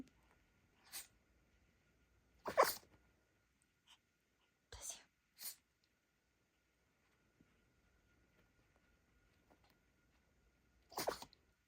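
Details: Dog's sneezing fit caused by a dust particle in its nose, later removed: five or six sharp, hissing sneezes over about ten seconds in a quiet room.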